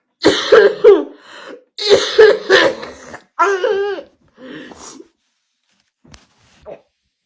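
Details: A woman's coughing fit after dabbing, during a live stream: a run of harsh, repeated coughs in close bursts with throat clearing, tapering off to a few faint coughs.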